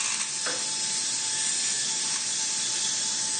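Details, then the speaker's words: Steady high-pitched hiss and whir of an otologic burr drilling bone in the attic of the ear to create the seat for an implantable hearing prosthesis, in surgery for age-related hearing loss (presbycusis); faint constant tone. "Pour créer l'orifice qui recevra la prothèse, le chirurgien creuse l'os à l'aide d'une fraise."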